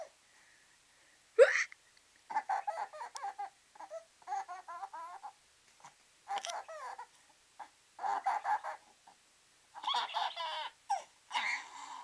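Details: Six-month-old boy with hiccups, just after a diaper change and before a nap, gives a sharp hiccup-like catch, then babbling and giggly laughter at fake hiccups in a quiet room: infant hiccups.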